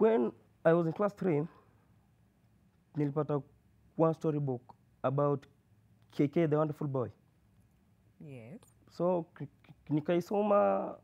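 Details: University student who has stammered since birth and first noticed it reading aloud in class three; the speech therapist links his reading difficulty to blocks, prolongations and repetitions. Finding: stuttering.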